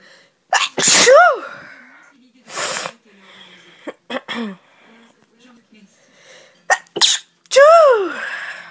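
Several sharp sneezes, each with a quick intake and an explosive burst, with voiced trailing sounds between them; repeated sneezing.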